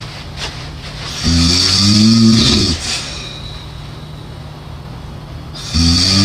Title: Funny snoring #funnyvideo #reaction #fyp #viral #funny